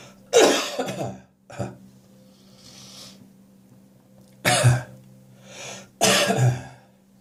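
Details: Morning cough: three harsh cough and throat-clearing bursts with gagging, hacking and spitting sounds between, possibly after too much beer the night before; cough with throat clearing.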